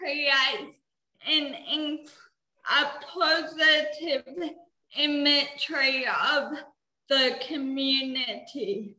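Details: 19-year-old woman with cerebral palsy, which she says affects her mouth muscles and speech; she could not walk or talk until age eight; dysarthria (cerebral palsy).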